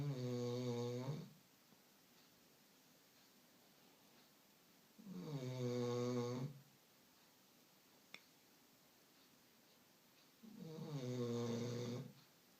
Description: This is a funny video of my dog coco snoring (put it in hight volume)